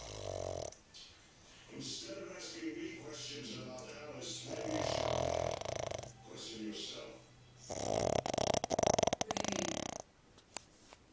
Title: Taco the snoring Pug.